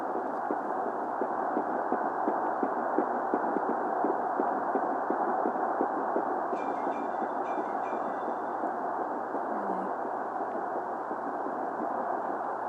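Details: First fetal heartbeat recording on Doppler: fast, rhythmic whooshing pulses under steady static; normal fetal heartbeat.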